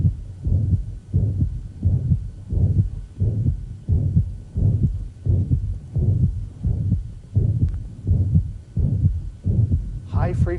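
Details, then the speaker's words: Mitral regurgitation: regular heartbeat near 87 a minute with a blowing holosystolic murmur lasting until S2, loudest at the apex and radiating into the axilla. "the murmur is going to reach peak intensity and it's going to last until the second heart sound it's gonna be loudest at the apex generally radiating into the eczema"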